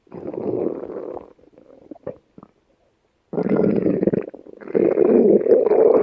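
Long gurgling, bubbling rumbles from a dog's belly, separated by a short quiet gap: ordinary gut sounds from gas and fluid moving through the bowel.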